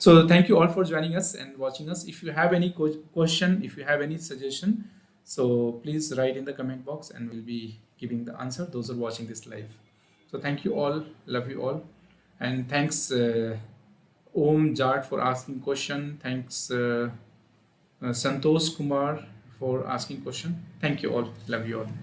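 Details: Adult man speaking; normal adult male speech.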